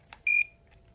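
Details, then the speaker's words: Short high-pitched electronic beep from an LVAD controller, the disconnected-battery alarm sounding during a battery change in an EMS training demonstration. "depress and screw back on notice the alarm for the disconnected battery was going off at the same time"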